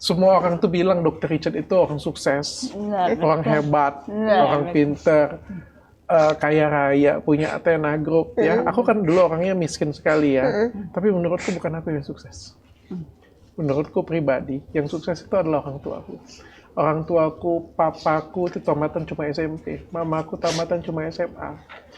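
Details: Adult man speaking Indonesian; typical speech.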